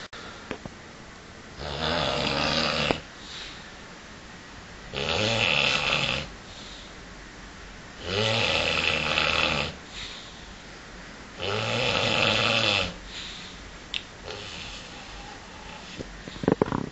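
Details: A darts player snoring during sleep: four loud, rattling in-breath snores, about 14 breaths a minute, with quiet breaths out between.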